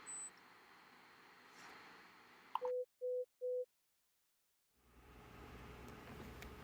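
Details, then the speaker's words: Pure-tone hearing test beeps: three short evenly spaced beeps at one pitch from the AirPods Pro 2 hearing test on iPhone, tested one ear at a time while the listener taps the screen whenever a tone is heard across frequencies. "it's just a series of beeps that you once you hear them you tap on the screen and it's going to be beeps at all different frequencies so it's testing your entire frequency range"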